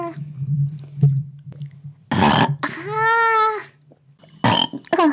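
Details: Compilation of a woman's burping: several loud belches, one long and drawn-out with a croaking tone, over a low hum.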